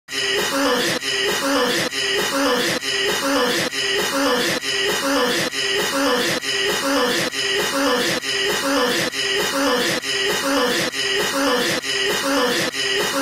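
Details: Looped recording of a person coughing: loud, harsh coughs repeating steadily, about 67 a minute.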